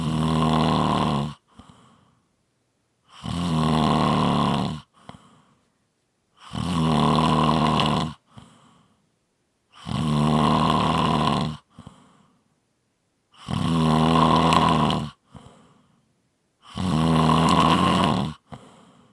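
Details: Loud, harsh, regular snores on each in-breath with short soft exhales between, about 18 breaths a minute; snoring.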